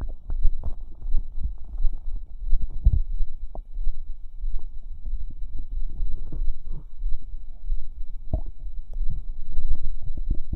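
Continuous low gurgling and bubbling with squelching pops, ordinary active bowel sounds.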